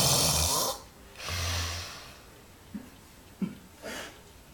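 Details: Extreme snoring: loud, harsh snores on breaths in and out, with rough rattling breath noise and brief snorts between cycles.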